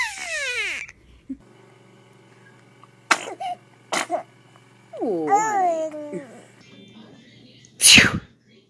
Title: TOP 5 BEST FUNNY Cute Babies Sneezing Moments - Funny Baby Video